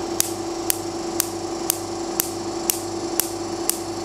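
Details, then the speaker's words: Fractional laser treatment of a natural scar with the 8 mm DF handpiece on a Duality Signature laser, third pass; sharp, muted snaps about twice a second over machine hum, the right amount of snap, more muted than tattoo removal. "that snapping sound I hear is perfect it's the right amount of snap definitely not the same type of snap that you would hear with laser tattoo removal you want it to be a little bit more muted than that"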